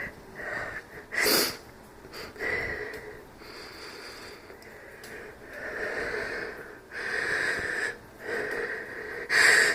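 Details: Slight barking cough and wheezing: tonal whistling wheezes on breathing, broken by a few short harsh cough-like bursts.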